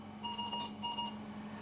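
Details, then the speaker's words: Non-invasive ventilation with a face mask on a CV200 ventilator in pressure support mode: repeated high electronic alarm tones over a steady hum. The low minute ventilation alarm sounds because the set pressure is low, before alarm limits are adjusted. "the low tidal volume the low rr the low minute ventilation alarms will go off because the amount of pressure i have set is low and so i may need to adjust my alarm limits"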